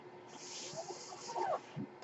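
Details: Mechanical ventilator: the speaker's own ventilator during his podcast recording, a soft, steady airy hiss with a brief puff of air near the end as it cycles air.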